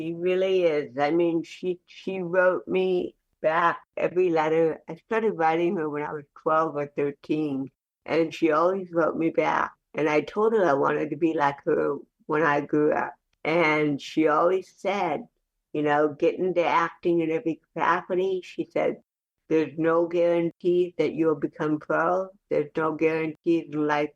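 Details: Adult woman with cerebral palsy speaking in a real conversational interview; dysarthric speech in cerebral palsy.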